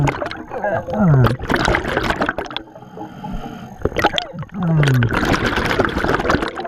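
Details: Hiccups while scuba diving: two abrupt, short downward-gliding gulps about four seconds apart over loud bubbling breathing from underwater diving gear.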